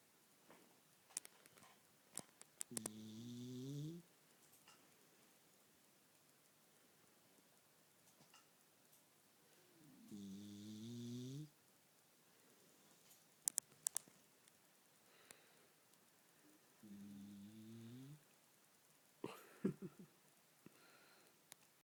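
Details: Female dog snoring her head off in sleep: three loud, rumbling, slightly rising snoring breaths about seven seconds apart.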